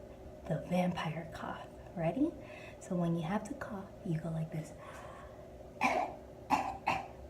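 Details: Vampire cough and dab cough: muffled voiced sounds, then a few short coughs dampened as if into the crook of an elbow.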